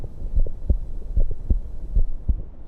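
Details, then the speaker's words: Clear, regular lub-dub heart sounds at about 95 beats a minute with no murmur, from a patient without valve disease, recorded with a digital stethoscope sent over Bluetooth to a smartphone app whose algorithm predicts no significant valve disease. "like that healthy lubed-up heart rhythm you're used to hearing and in the app our machine learning algorithm is automatically analyzing the sounds and producing the diagnosis"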